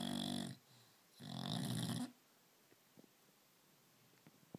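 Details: Brando, 9-month-old English bulldog, sleeping: two loud, harsh, rumbling snores, then quiet; heavy snoring "like a locomotive", common in flat-faced breeds.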